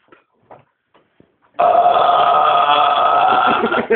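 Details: Adult man burping after kebab and coke: a few faint clicks, then a long, loud, sustained voiced belch lasting over two seconds.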